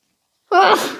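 A single abrupt, forceful sneeze burst after silence, trailing into a breathy hiss; allergic sneezing.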